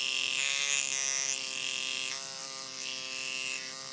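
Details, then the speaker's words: Microneedling pen on a client's face, depth lowered to 0.25 mm for forehead and around the nose: steady high-pitched motor buzz shifting slightly in pitch, faint music behind; pen in operation. "let's take it down to 0.25 okay so I'm going to take this I'm going to line it up 2.25 then make a little bit more noise remember the nose"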